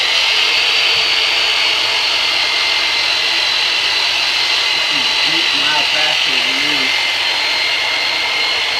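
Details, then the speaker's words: Chiropractic myofascial release on a US Air Force veteran, using a percussive modified Black & Decker jigsaw over the dorsolumbar region, with some muscle spasm seen: a loud, steady motor buzz with fast pulsing and faint voices. "that was doing the myofascial release here with terminator which is really just a modified Black & Decker jigsaw right in this Darrell umbar region"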